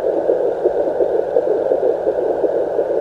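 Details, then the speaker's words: Fast, rhythmic whooshing fetal heartbeat at about 170–175 beats a minute, heard on a home Doppler probe placed on the gelled belly at the midline, angled under the pubic bone, in a twin pregnancy; first time heard. "No, this is the first time hearing the baby's heartbeat."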